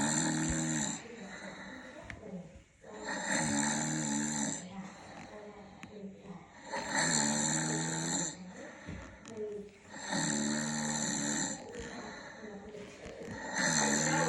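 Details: Snoring during sleep at 2 a.m.: loud, buzzing snores on each inhalation, about 18 breaths a minute, with quieter exhalations between. Finding: ordinary heavy snoring.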